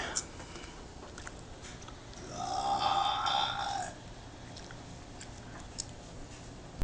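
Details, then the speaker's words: Man burping while waiting for laundry: a drawn-out, low, rumbling belch lasting about one and a half seconds rises out of quiet room noise; burping, swallowed air released from the stomach. "Damn, you're dark. Nice burp."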